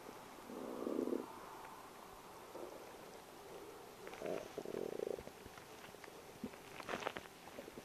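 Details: A person's stomach gurgling in the morning, bubbly, rumbling bowel sounds (borborygmi) in a few bursts from gas and fluid moving through the gut.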